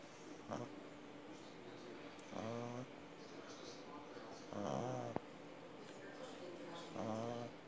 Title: Snoring Pug